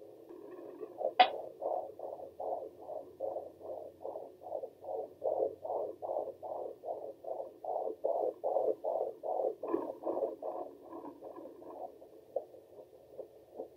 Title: Hearing baby girls heartbeat at 23 weeks.